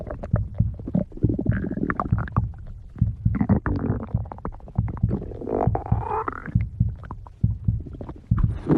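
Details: Stomach growling: low gurgling rumbles and squelching bubbles rising and falling irregularly, with a few drawn-out groaning tones; ordinary bowel sounds (borborygmi).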